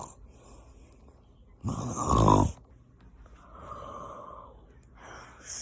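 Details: Snoring heard while a mother reads a book: a single loud, harsh, snort-like snore with softer breathing sounds on either side.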